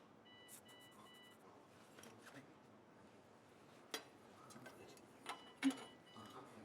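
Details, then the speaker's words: Faint repeating electronic beeps from a wound vacuum device worn on a man's foot to heal a wound, during a woodturning lathe demonstration, quiet room noise with occasional knocks; wound vacuum device alarm. "What, the beeping? Yeah. It's my uh uh one bag. I have a one bag on my foot. Hoping to heal it."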